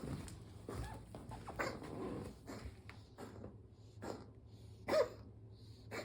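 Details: Dog gives a series of short, harsh coughing bursts indoors, with quiet pauses between them. Cough.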